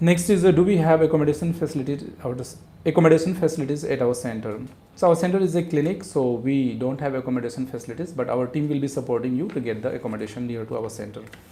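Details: Adult man speaking; normal adult male voice.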